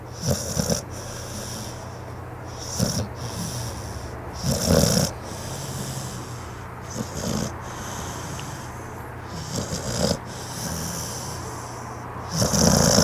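Repeated snorting snores with steady background hum, roughly one every two to three seconds, from a sleeping dog.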